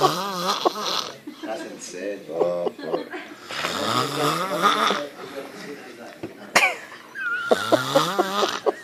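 Loud, drawn-out rattling snores with pitched, wavering vocal tones between breaths; snoring, possibly exaggerated or performed.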